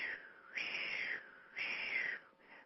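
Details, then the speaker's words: Breathy whooshing monophasic arterial Doppler signal, one sound per pulse, imitated in a wound assessment lesson: reverse flow component lost, indicating severe arterial disease needing further testing. "as arterial disease worsens the patient loses the reverse flow component that be waived and you only have the a wave and this is a monophasic waveform and it's going to sound like this"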